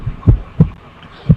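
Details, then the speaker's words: Low, dull lub-dub heartbeat thumps, the normal first and second heart sounds, explained as caused by closure of the tricuspid and mitral valves and the aortic and pulmonary valves. "तुम्हें दो sound सुनाई दे रही होंगी, ये वाली लब dub, ठीक है। तो इन साउंड्स के पीछे का कारण होता है ट्राइकस्पिड और मिट्रल वाल्व, आउटिक और पल्मोनरी वाल्व के क्लोजर का असर।"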